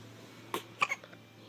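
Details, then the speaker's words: Infant with hiccups while being sung to and mouthing mother's finger, possibly hungry: a few soft, abrupt little catches over quiet room noise; hiccups. "Hey, why'd you stop that for? Is it those hiccups?"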